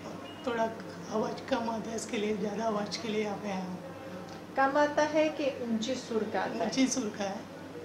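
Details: Male patient recorded before surgery with puberphonia, a high-pitched voice that did not change at puberty: puberphonia.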